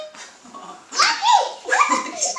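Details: Dog coughing: two harsh, hacking cough bursts with a honking edge after a quiet start.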